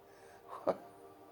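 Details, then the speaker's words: Person recorded at 5:25 at night, again woken up gasping and then calling for help. A single short, sharp gasping breath against a quiet room: recurrent nocturnal gasping on waking. "H it's 525 and it's again I've woken up gasping for"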